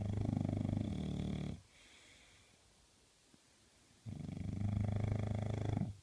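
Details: English bulldog puppy snoring: two loud, rough, low-pitched breaths in a quiet room, separated by a pause of about two and a half seconds.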